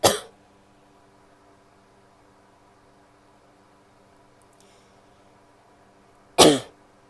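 Two separate sharp single coughs in a quiet room, several seconds apart.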